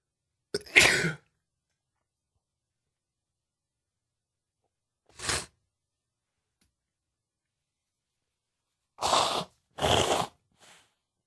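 Four sharp, explosive sneezes separated by silence, the last two close together, followed by a faint sniff.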